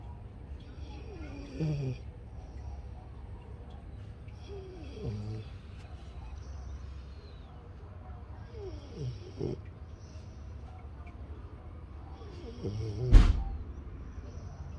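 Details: French Bulldog, not yet fully asleep, snoring loudly: low rumbling snores roughly every three to four seconds, ending with a loud snort.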